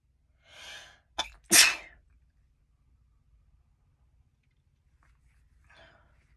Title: Chhinkni Sneezes 3 (nb)